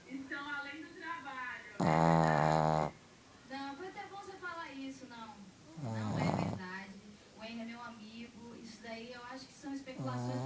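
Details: Snoring during sleep: loud, repeating rumbling snorts mixed with whiny, voice-like sleep noises.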